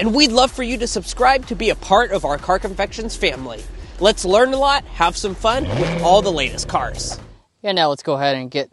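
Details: Young adult male speaker; normal voice.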